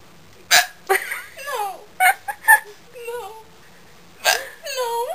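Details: Woman hiccuping for over a minute, sharp sudden vocal catches broken up by laughter and brief voiced sounds; hiccups.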